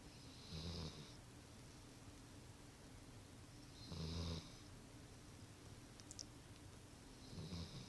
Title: dixie snoring